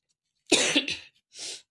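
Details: Single harsh cough and breathy exhalation from an adult woman with a persistent cough that keeps her from sleeping.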